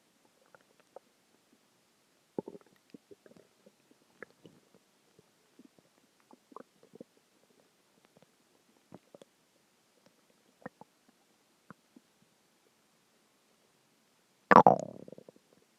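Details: Bowel sounds (borborygmi) a few hours after a very large meal: scattered soft gurgles and clicks ending in a louder drawn-out rumble, ordinary stomach growling.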